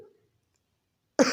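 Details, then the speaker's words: After a quiet pause, an adult imitates one sharp cough, a single cough per episode that brings brief relief rather than a run; single-paroxysm cough. "अगर कोई पेशेंट ऐसा आता है आपके पास में जिसकी खांसी इस तरह की है कि जो एक बार में केवल एक ही बार खांसता है, जैसे मतलब एक बार में खांसी तो है उसे, लेकिन एक ही बार खांसने से उसको थोड़ी देर के लिए आराम मिल जाता है।"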